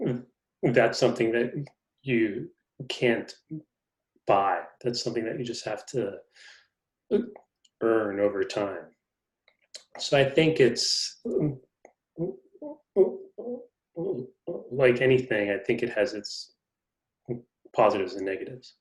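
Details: Adult man who stutters, in a conversation about living with stuttering; the host notes he has a pretty good stutter going on. Finding: stuttering.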